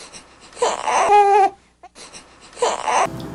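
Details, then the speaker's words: Newborn baby's discomfort cry, described as mild and not serious: short, breathy fussing cries with an airy 'heh' onset, in two bursts separated by a pause. "inclusive até fatal o próximo chorou chorou do desconforto a é vocês vão ver em um videozinho"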